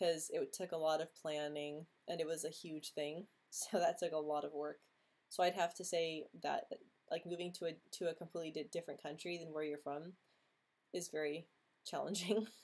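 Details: Woman who says she stutters, speaking during a livestream hangout; stuttering.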